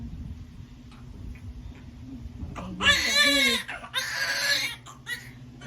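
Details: Newborn's first cries just after a normal vaginal delivery: two loud, strong, vigorous cries over faint room noise.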